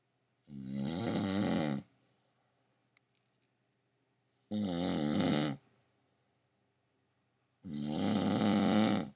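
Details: Wife who claims she doesn't snore, recorded at night: three loud, buzzing snores on breaths in, about 17 a minute, with silence between; loud snoring.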